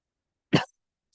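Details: Person recovering from an ailment, coughing a lot while studying at night: a single short, dry cough burst in a quiet room.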